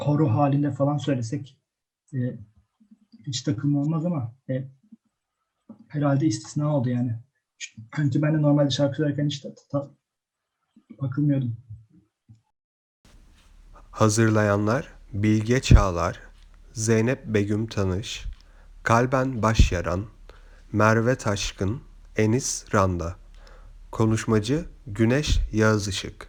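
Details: Adult speaker (Turkish); stuttering.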